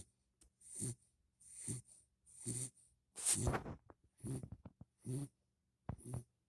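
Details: Sleeping puppy after a long walk, snoring lightly: quick, short, snuffly breaths at roughly 70 a minute with soft rattling.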